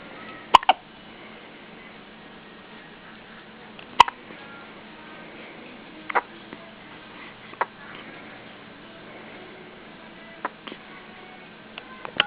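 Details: A baby hiccupping: short, sharp hiccup sounds at irregular intervals, about a handful over twelve seconds, against steady background hiss.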